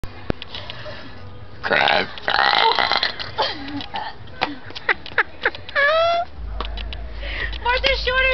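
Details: Deliberate long, rough, voiced belches shaped into people's names by a woman on a smoke break at a club, with brief talk and faint music behind; burping.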